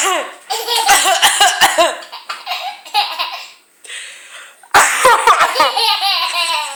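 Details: Adult mother coughing in repeated short bursts while her infant daughter laughs in high-pitched belly laughter in a small room.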